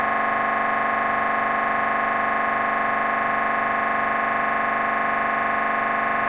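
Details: Loud, steady buzzing drone pulsing about twice a second, the typical noise of an MRI scanner during a brain scan.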